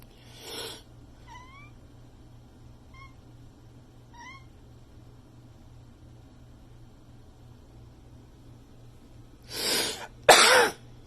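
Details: A cat with an upper respiratory illness gives a few harsh, noisy cough bursts, with faint chirps in between.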